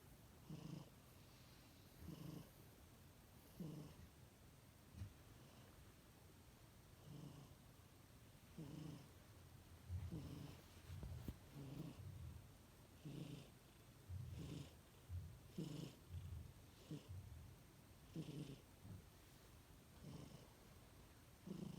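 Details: A kitten sound asleep and snoring: soft, regular snuffling breaths about one every one to two seconds.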